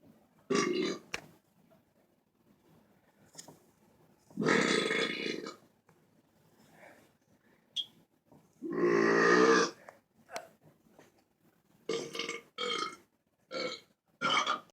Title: Big burping sounds